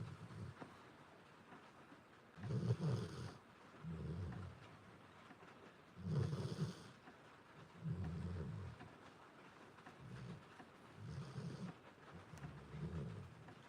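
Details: Soft, low, rumbling snores from a sleeping dog about every two seconds, with rain and frogs in the background; harmless sleep snoring.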